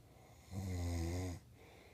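A single low, rumbling snore lasting under a second, rising and falling against quiet room noise.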